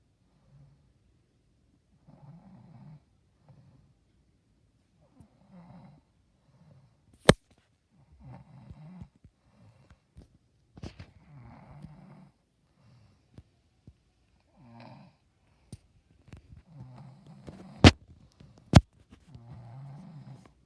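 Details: Adult woman (mother) sleeping in late afternoon, real recording: soft, rough, rumbling snores repeating irregularly in a quiet room with a few sharp clicks between; ordinary snoring.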